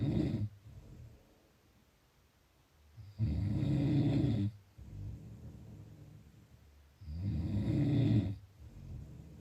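Loud, low rattling snores on each breath, about 15 breaths a minute, with quieter breathing between.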